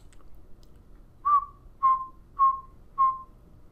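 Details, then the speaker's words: Hearing aid acoustic feedback recorded in the ear with a real-ear measurement probe tube during diagnostics, patient recreating the feedback with jaw movement: four short high whistling chirps at an even pitch, around 1189 Hz. "if there's any type of noise coming out of that hearing aid because it is in the ear with the probe tube looking at the top right-hand corner here you can put your pointer right on the tip and know that at eleven hundred and eighty nine Hertz is where that that chirping sound is coming from"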